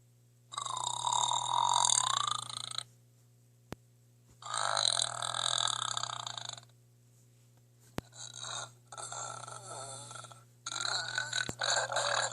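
Four loud, drawn-out burps with quiet gaps between them, the later ones choppier. Ordinary belching.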